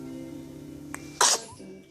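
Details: Bubba sneezing: a single sharp, hissing burst over steady background music; one sneeze.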